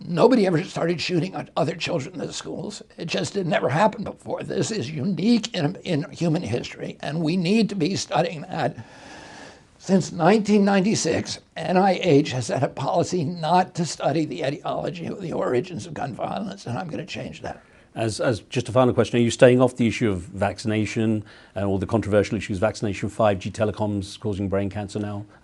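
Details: Adult male with spasmodic dysphonia; he reports a very strong voice until age 42, then onset in 1996 after a neurological injury, which he attributes to his brain sending wrong signals to his vocal cords rather than to the cords themselves.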